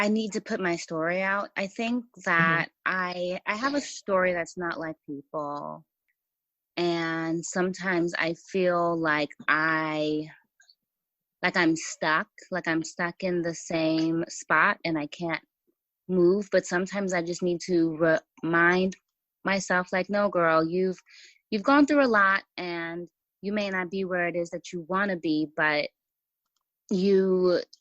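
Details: Stuttering in an adult woman who says she has a stutter that was more severe in the past; part-word and word repetitions.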